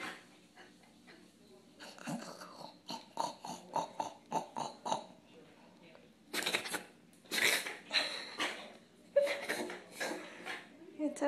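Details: Dog reverse sneezing after an intranasal kennel cough vaccine: bursts of rapid, noisy snorting inhalations.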